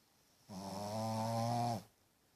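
A single loud, steady, buzzing snore from a sleeping puppy, about one second long, over a quiet room.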